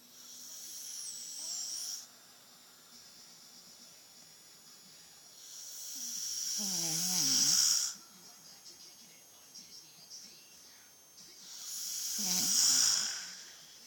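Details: Elderly woman (grandma) asleep snoring: loud, rattling snores with hissing airflow, about 11 per minute.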